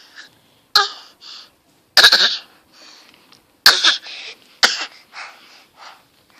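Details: Six-month-old baby boy gives four short, sharp coughs, each followed by a soft breathy sound, in a quiet room; infant cough.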